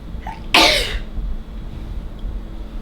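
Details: Sneezing, possibly after sniffing black pepper to trigger it; the person mentions allergies. A brief in-breath, then one loud explosive sneeze over a low rumble of room noise.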